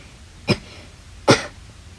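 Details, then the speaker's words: Child acting as a sick mom with a dry, sore throat and a cough since yesterday: two short, sharp coughs in a quiet room, likely acted. "ow, my throat hurts. It's like stranded or something."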